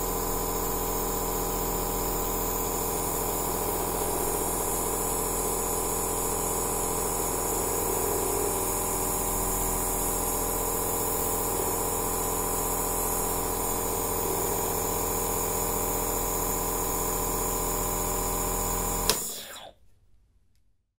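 Steady mechanical hum and hiss of a nebulizer running continuously, stopping abruptly at the end; ordinary sound of aerosol therapy.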